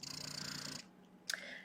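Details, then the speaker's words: Motif Luna breast pump set to its lowest cycle speed of 30 per minute: steady whirring motor for under a second, then a long quiet pause before the next suction cycle. "now pulling it down to the lowest cycle speed which is 30. it's a big pause in between sections"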